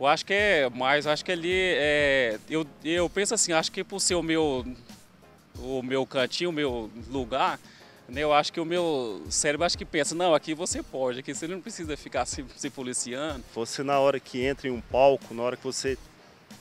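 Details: Person undergoing speech therapy for stuttering; stuttering.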